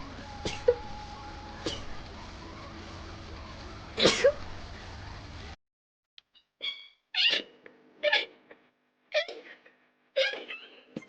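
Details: Women sneezing on live streams: a series of short, sharp sneezes in quick succession, some high-pitched, with room noise; rapid repeated sneezing.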